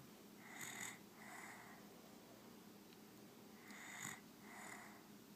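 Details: Two paired breathy, whistling snores with a pause between, over quiet room noise: snoring during sleep.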